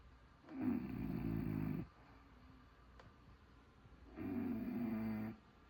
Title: The sounds of Snoring Bulldog